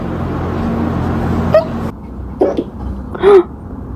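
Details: Cat's hiccups after eating food too fast: a few brief, abrupt little squeaks and jerky sounds over a room hum.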